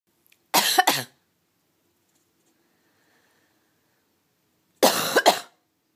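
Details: Cat coughing while her owner is sick: two short coughing bouts, each with two or three quick harsh bursts, separated by silence.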